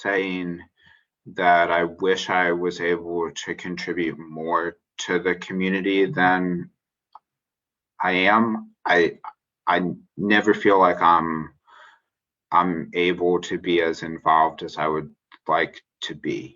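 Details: Adult man, an aerospace engineer, who is a person who stutters; stuttering.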